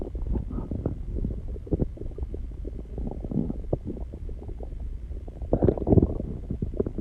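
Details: Stomach growling: steady low gurgling and bubbling rumbles with scattered pops throughout.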